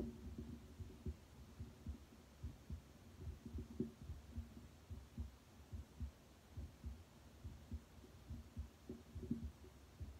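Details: Heart sounds through a Littmann Cardiology stethoscope, with auscultation at the mitral, tricuspid, Erb's, pulmonic and aortic sites: a steady low thumping heartbeat about 70 a minute with normal first and second sounds. Normal heart sounds.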